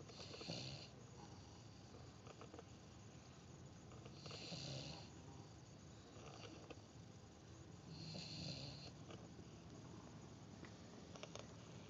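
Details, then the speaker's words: Several puppies asleep after a long day in the mountains: soft, irregular snores, some breaths with a faint whistle, over quiet room noise; snoring. "The puppies had a long day in the mountains today, and all of them but Dave are snoring right now."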